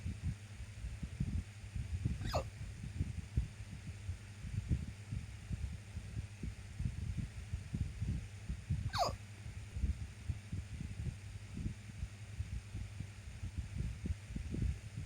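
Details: Randomly occurring hiccups: two high, squeaky hiccups about seven seconds apart over low rumbling handling noise; hiccups.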